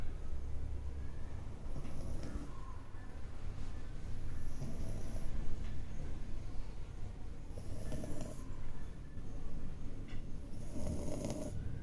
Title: French bulldog snores out loud